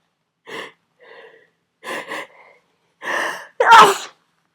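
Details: Sneezing fit during a cold, part of a continuous run: repeated sneezes in quick succession, each with a short in-breath and an explosive burst.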